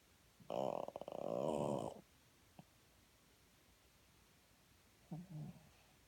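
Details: Heavy snoring in a woman with sleep apnea: a loud, rattling snore over a second long, a long quiet pause, then a shorter snort.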